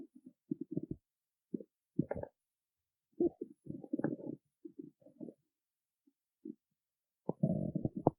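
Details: Stomach growling from hunger after not eating before a performance: bursts of gurgling and squelching bowel sounds with quiet gaps between.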